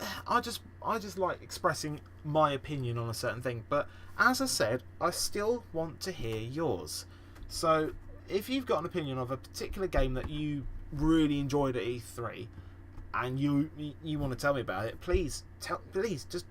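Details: Podcast host who says he stammers and stutters a lot; stuttering.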